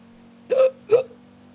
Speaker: Oh Bless you. God. I had a really coffee-filled hiccup. I didn't like that.